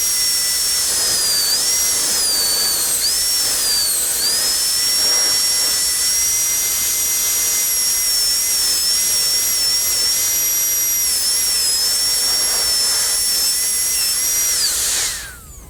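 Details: Dental high-speed handpiece refining the cervical shoulder with a light touch on a maxillary canine prepared for a porcelain-fused-to-metal crown, patient tipped back; continuous high-pitched whine with slight pitch dips, winding down at end.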